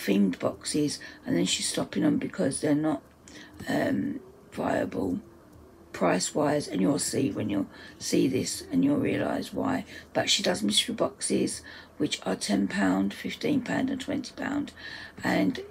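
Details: Adult speaker whose dysphonia, she says, is playing up; dysphonia.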